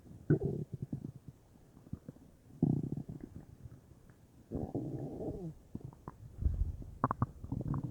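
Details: Bowel sounds (borborygmi) from a bubbly belly, unsure whether stomach or intestines: low gurgling, bubbling rumbles in irregular bursts from gas and fluid moving through the gut.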